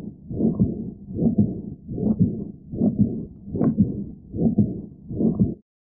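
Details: Aortic regurgitation murmur in a teaching recording: regular heartbeat near 75 a minute with a soft blowing murmur filling much of each cycle.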